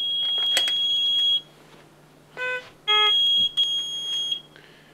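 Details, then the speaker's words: Puritan Bennett 840 ventilator powering on and running its automatic startup system test before a Short Self Test: high electronic tones and beeps; a normal power-on self-test alarm tone. "when you press the power on the machine will go through a automatic test of the system and it will come to this we'll come to this Opening screen"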